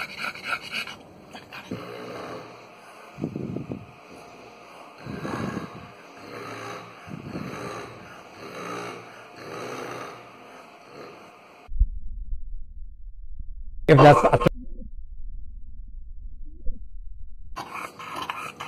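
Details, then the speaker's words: A flat-faced dog at rest with grade 3 brachycephalic obstructive airway syndrome: loud, rhythmic, saw-like snoring breaths, clearly audible even at rest. This is obstructive upper-airway stertor. "Parang naglalagari, di ba? So that's grade 3. Even at rest, you can hear it very loud, clear, loud and clear."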